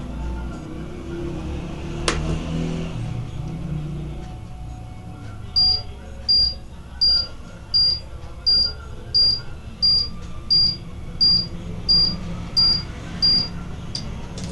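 Regular high beeps about 87 a minute over a low motor hum with faint music: a digital blood pressure monitor taking a reading.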